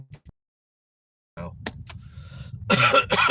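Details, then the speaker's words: Adult with a cold, sick around Christmas, gives a few short, harsh coughs with a throat-clearing quality in a quiet room; the cough started four or five days earlier in someone who rarely gets sick. "I started I started getting a cough now I don't I'm not a person that gets sick"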